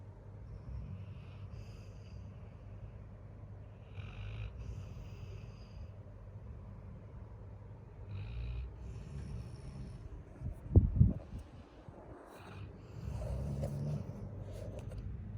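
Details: Labrador dog, tired after playing all day, snoring loudly in sleep: low, rumbling snores with a snort partway through, over quiet room noise.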